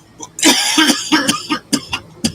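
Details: A few short, sharp coughing bursts from an adult with brief pauses between them, made while reading a novel aloud; an ordinary cough.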